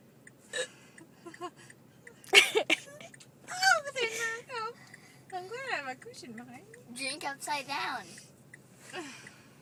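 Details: A mother's laughing fit brings on hiccups: sharp, abrupt vocal catches and squeaky voiced bursts mixed with laughter and breathy sounds in a small room.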